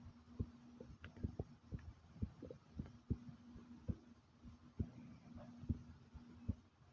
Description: my heart was beating loud and fast and then my stomach growled along with it